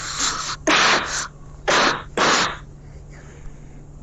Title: HELP THIS SOUNDS FUNNY😭#Coughing #funny #pleasemakethisviral